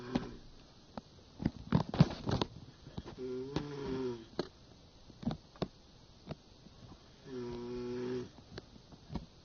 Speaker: And that is my dad snoring.